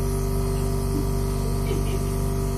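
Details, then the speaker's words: Nebulizer breathing treatment at urgent care for a sick young girl, mask held over nose and mouth: steady hiss and low hum of the running nebulizer. "so it's going to blow the air [Music] out and if you want you can just hold it over her face just her nose and [Music] mouth"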